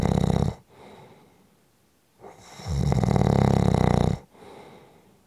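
Loud rattling snores on the in-breath with quiet out-breaths between them; ordinary snoring.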